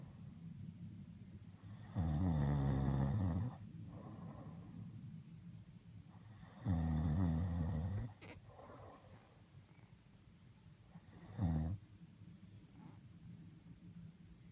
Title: Daddy's snoring